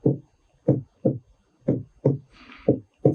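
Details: Normal heart sounds S1 and S2 heard during a cardiovascular physical exam.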